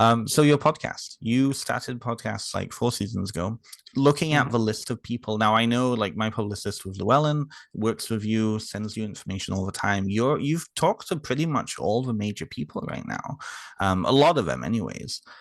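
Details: Adult male speaker; typical speech.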